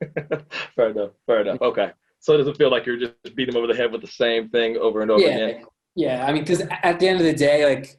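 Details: Adult male speech, likely two speakers in conversation; normal speech.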